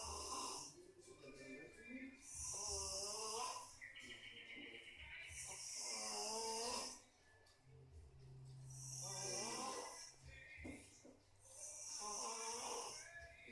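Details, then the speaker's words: Person snoring in sleep while listening to birdsong to feel like sleeping in a forest: loud, rattling snores about 19 a minute, with music and birdsong in the background. "Jadi dia tidur dengerin suara burung biar kata berasa tidur di hutan begitu Coy"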